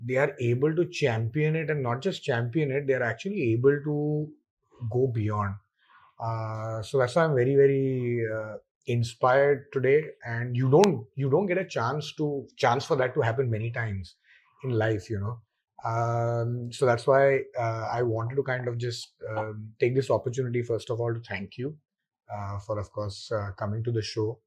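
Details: Adult male speaker; ordinary speech.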